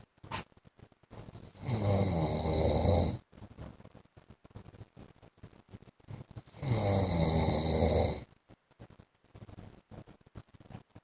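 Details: Adult man (husband) snoring in sleep: loud, harsh rattling snores on two breaths, about 12 breaths a minute, with quiet gaps between; heavy snoring.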